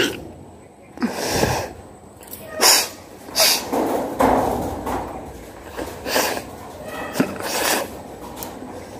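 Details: Acted nose-blowing and sneezing challenge: several abrupt, noisy bursts with sharp exhalations and snorting sounds, and room noise in the background; simulated sneezes and nose blowing.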